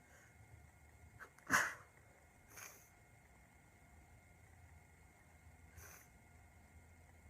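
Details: A girl with a really bad cold in a sneezing attack: one sharp, loud sneeze followed by two fainter sneezes over a few seconds, in a quiet room.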